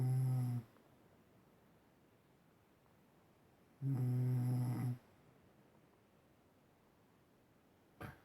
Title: My dad snoring!😑